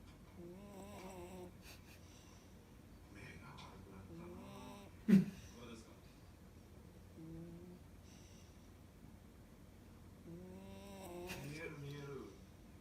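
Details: Sleeping pet beagle that snores every day: soft tonal whistling and squeaky breaths, a sudden snort midway, with faint laughter in the room; harmless dog snoring.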